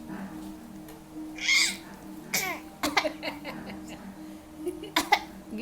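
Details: A baby girl playing with her aunt makes a few short, breathy cough-like bursts over soft music, playfully imitating a grown-up's cough: an imitated cough.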